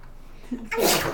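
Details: Young child in a bathtub imitating her father's sneeze, so the sneeze is simulated: a brief voiced intake followed by a sharp, hissing burst, a single small sneeze.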